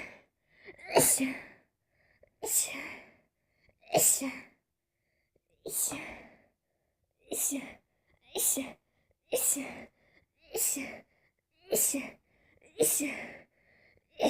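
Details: Person who says they are allergic to nearly everything sprays a body spray to test it: a run of about ten sneezes, each a sharp explosive burst after a brief inhalation; repeated sneezing, likely allergic.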